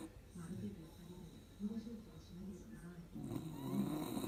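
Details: Beagle sleeping with its head on a door threshold, the loudest snorer in the home: soft, low rumbling breaths repeating over light room noise; snoring.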